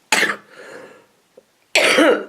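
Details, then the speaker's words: Adult recovering from a cold, coughing from a throat tickle triggered by talking: two loud, harsh coughs separated by a short breath. "sorry guys I see only happens when I start talking and you get that tickle in your floor and was the same yesterday"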